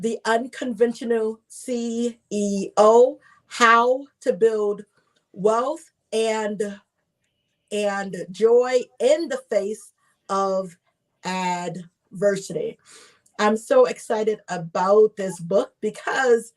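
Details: Stuttering with word repetition in a woman who identifies herself as a stutterer.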